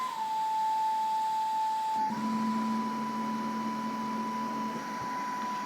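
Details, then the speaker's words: Pegaso E7C cough assist (mechanical insufflation-exsufflation) device running on battery in manual mode via rocker switch, oscillations on: steady motor whine shifting pitch between inspiratory and expiratory phases; demonstration without patient. "I've also got oscillations switched on and I can choose with the oscillations whether they're inspiratory expiratory or both and I can set the amplitude and the frequency and then I'll just pause it"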